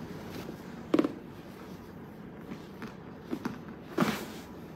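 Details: Osteopathic manipulation of the hip and knee: sharp, brief pops over quiet room noise, joint cavitation during the adjustment.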